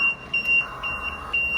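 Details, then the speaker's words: LTV ventilator: repeated high-pitched electronic beeps of a low pressure alarm when the circuit becomes disconnected during the cycle, e.g. from a cough or pulled circuit; ventilator low pressure alarm. "So if it becomes disconnected, it's in the cycle, you're going to get a low pressure alarm."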